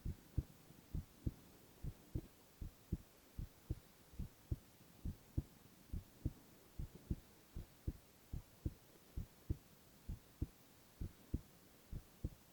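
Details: Male ASMR heart-sound recording with no talking: steady paired lub-dub at about 72 a minute under a faint hiss, regular; normal heart sounds.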